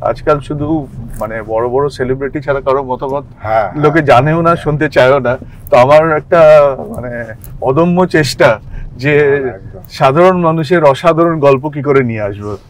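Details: Adult man speaking Bengali; typical speech.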